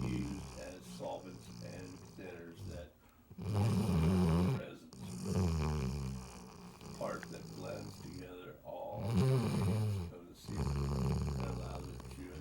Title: Snoring dog